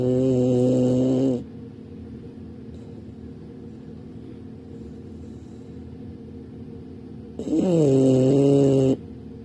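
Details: Bulldog snoring loudly: two long, droning, buzzy, tonal snores separated by a quiet exhale.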